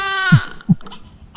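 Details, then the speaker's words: Brief, high, wavering infant cry that breaks off, followed by soft low thumps and faint noises; an ordinary baby's cry, given as an example of a natural sound. "Vocês estão ouvindo né o chorinho do bebê o nosso coração a nossa respiração todos esses sonhos são tão naturais"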